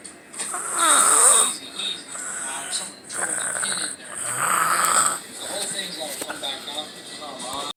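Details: Person snoring in sleep: irregular rattling snores with whistling nasal breath noise, about 16 a minute, in a quiet room.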